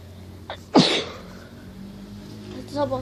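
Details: One sharp, explosive sneeze after a short in-breath, followed by quiet breathing over a faint room or vehicle hum; the person then remarks that the sneeze has passed.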